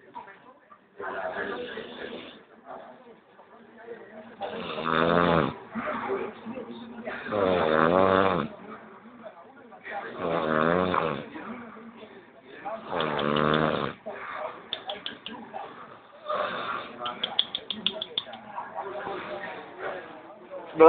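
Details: Low, fluttering snoring about every three seconds, roughly 22 per minute, from a person deeply asleep during a nap after a hard day's work; faint room sounds.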